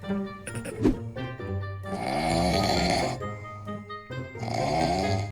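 Rough, rattling snores over background music.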